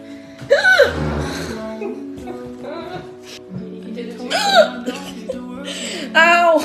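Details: Three sudden, voiced hiccups, each a sharp rising-falling squeak, over background music, from a person with Tourette syndrome; hiccups.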